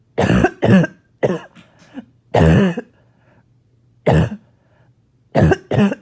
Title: More Barking Cough